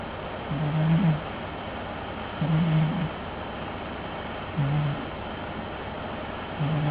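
Low rumbling snores about every two seconds over steady background hiss; a cat snoring in sleep.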